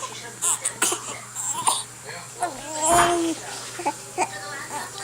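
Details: Infant with hiccups, held and kicking, fusses and cries in short wails with catches between them, over room noise; infant cry.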